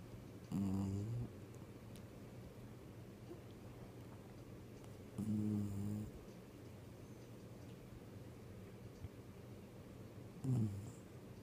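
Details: Six-year-old sleeping dog snoring: three low, rattling snores about 13 a minute, with quiet breathing between them.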